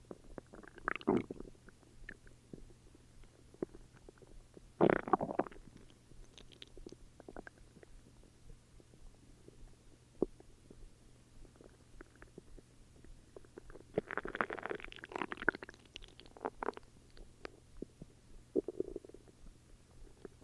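Low gurgling rumbles and squelches come and go over a steady hum; ordinary stomach growling.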